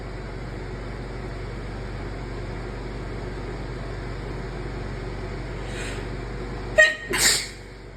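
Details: Deliberately induced sneeze: steady background hum, then one sudden sharp sneeze near the end with a short breathy follow-through; sneeze.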